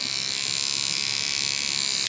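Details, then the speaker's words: Steady high-pitched buzz of a kid's battery-operated toothbrush running continuously while brushing the teeth of a 10-year-old Maltipoo dog at home for plaque and tartar care. "I also use a kid's battery-operated toothbrush he lets me do that"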